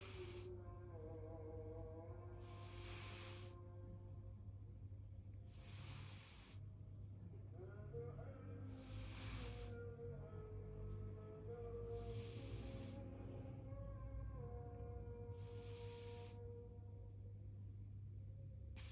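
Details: Sleeping cat snoring, with regular hissing breath noises about every three seconds, over background music.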